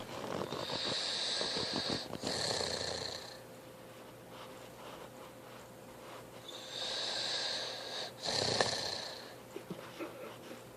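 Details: Little brother snoring in sleep: two long, rough, hissing breaths about six seconds apart, with quieter breathing between.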